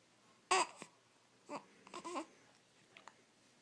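Several short, abrupt catches of breath with soft voiced sounds in a quiet room, fitting infant hiccups.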